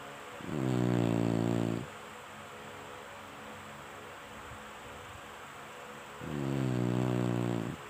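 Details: Chinese Shar-Pei dog sleeping, snoring: two long, loud, rumbling snores about five seconds apart with quiet breathing in between.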